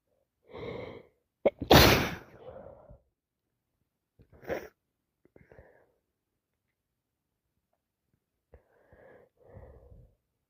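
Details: Day 2 of a common cold: several wet, messy, forceful sneezes with sharp in-breaths before them.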